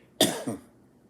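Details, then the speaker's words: Single short, loose, rattly cough from an adult singer with a bronchial infection, whose trachea is congested with phlegm and whose vocal cords are lined with mucus: wet cough. "condition is i have way too much mucus for these chords this you know this sound"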